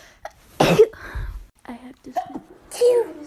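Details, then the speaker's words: One loud, explosive sneeze with a sharp breathy release, brief vocal sounds, then a softer second voiced burst. "trying to make myself sneeze in less than 15 seconds with a piece of grass"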